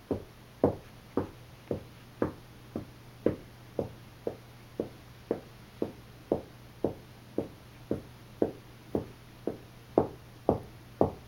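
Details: Steady run of short, sharp hic sounds, about two per second, from a pet resting after playing with every toy in the house: a harmless bout of hiccups.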